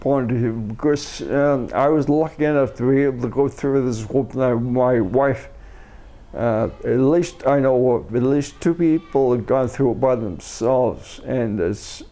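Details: Adult man with multiple system atrophy, first diagnosed as cerebellar ataxia, after umbilical cord blood stem cell treatment in China in late 2008; speech affected, sees a speech pathologist; dysarthria in multiple system atrophy.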